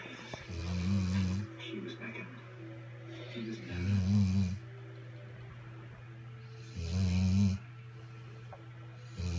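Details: Low, rumbling snores recurring about every three seconds, roughly 20 a minute, over a steady room hum; snoring.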